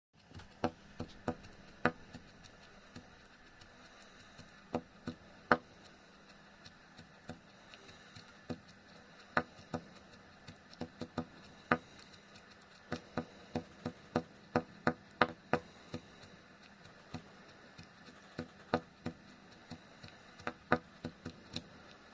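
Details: CPAP machine making abnormal noise since the morning of 17 February: irregular sharp clicks and ticks over a steady low motor hum.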